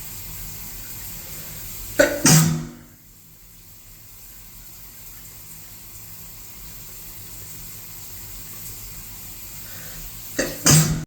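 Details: Two abrupt sneeze bursts about eight seconds apart, taken in the shower over steady running water.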